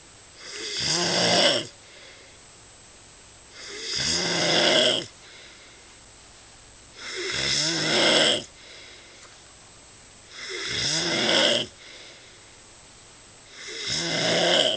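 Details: Loud, regular rasping snores, about 18 per minute, each about a second long with quiet pauses, during sleep; snoring.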